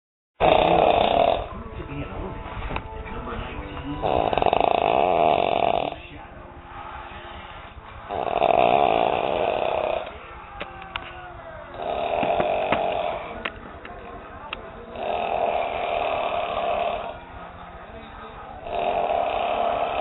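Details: Man, a habitual loud snorer, snoring on the couch: loud, rattling snores in regular cycles about every four seconds, with quieter pauses and faint background music; heavy snoring.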